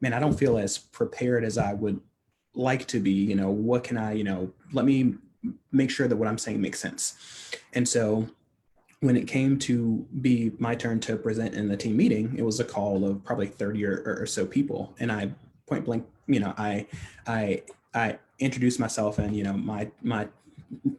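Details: Adult man who stutters, a stuttering-advocacy leader, speaking on a podcast; stuttering.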